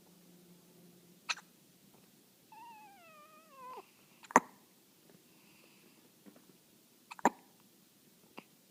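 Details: Hiccups in a male pet, likely a cat, trying to sleep: a few short, sharp hiccup-like clicks at irregular intervals, with one drawn-out meow, in a quiet room.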